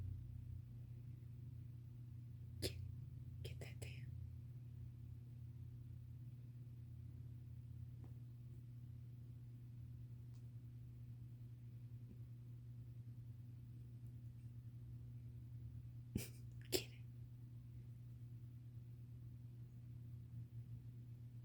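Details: Cat sneezing after playing with her tail: over a steady low hum, a few short sharp bursts, ending in a paired burst that fits a small cat sneeze.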